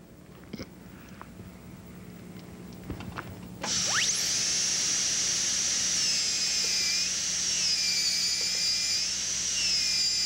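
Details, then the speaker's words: High-speed air turbine with number 1 round bur and water spray, preparing a Class I buccal pit on the lower right first molar (tooth 30) for gold foil, penetrating toward dentin: sudden piercing steady whine with spray hiss. "We have our number one burr mounted in the air turbine. We will be utilizing here the water spray, using the round burr in order that we can make the penetration into dentin to establish the axial wall."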